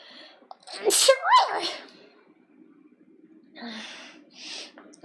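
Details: VTuber streamer's single loud sneeze with a voiced burst, then quiet breathing and faint movement noise; sneeze during a live stream.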